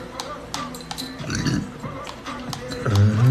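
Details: Male burping: two low, rumbling voiced bursts from the throat, the longer one near the end; ordinary belching of swallowed air.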